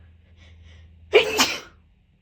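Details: Tickly sneeze: a quick inward breath, then one loud explosive sneeze in a quiet room.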